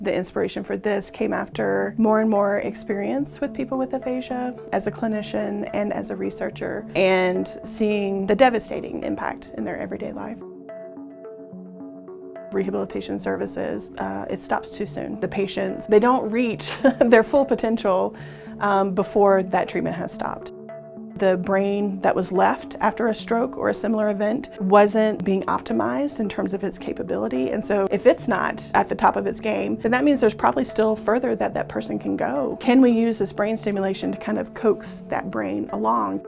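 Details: Adult speaker; normal speech.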